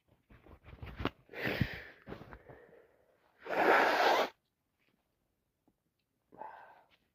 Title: Allergies so bad constantly sneezing